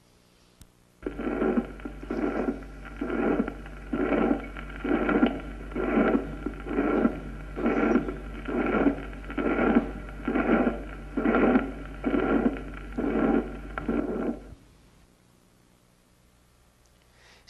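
Blowing murmur of even loudness filling each systole at about 66 beats a minute, over a steady hum: holosystolic plateau murmur of small ventricular septal defect.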